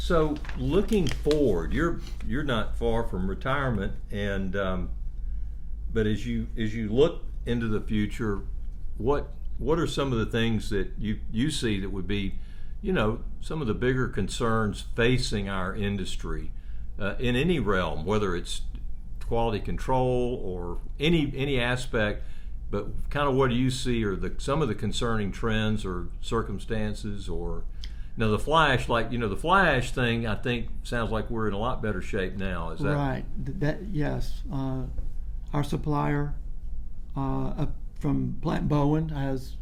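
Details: Adult men in an interview; ordinary conversational speech.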